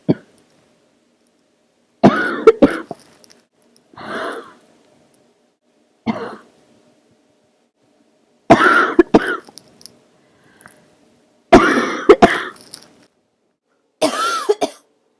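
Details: Old recording during an illness, throaty cough turning barking for the first time: seven harsh cough bursts, some throaty, some hoarse and barking, in a quiet room; barking cough.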